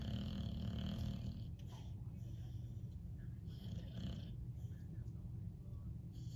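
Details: Snoring in a sleeping Boxer dog: a steady, low rumbling snore under heavy background noise.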